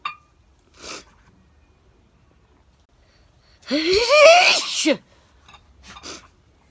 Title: - A Day Time Sneeze